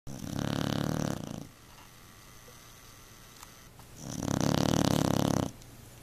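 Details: Beagle snoring so loudly the couch vibrates: loud, harsh, buzzing snores lasting over a second each, about three seconds apart, while sleeping.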